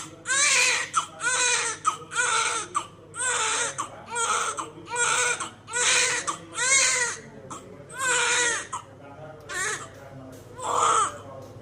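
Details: Infant cries in repeated wailing bursts, roughly one per second, with brief breaths between them: infant crying.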